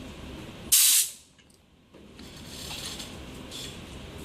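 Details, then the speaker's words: Emergency care oxygen setup: the oxygen cylinder valve is cracked open before attaching the regulator, giving a loud hiss of about a quarter second to blow out debris. "so I want to condense a cylinder for one second to blow out any industrial body oils"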